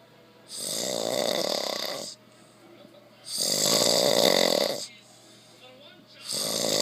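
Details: An adult man sleeping after a long, hard day of work gives loud, rattling snores on each in-breath, about every three seconds, with quieter exhalations between: snoring.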